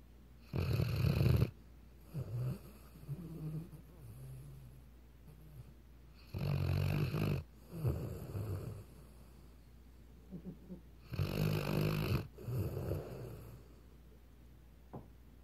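Three loud, rough snores on breathing in, each followed by a softer rattling breath out, about 12 breaths a minute. Regular snoring.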